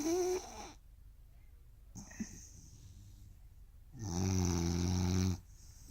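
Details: Rooster snoring while asleep: a loud, low, rattling snore lasting over a second, a shorter one at the start, quiet between.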